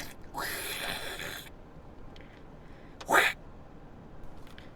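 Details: A breathy intake followed by a single sharp, high-pitched voiced sneeze in a quiet room.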